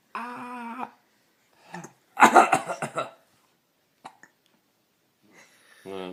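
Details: Infant girl, who just began laughing for the first time, coos and gives a short burst of laughter (apparently amused by her father's coughing), then two small abrupt hiccup-like catches, then more cooing; hiccups.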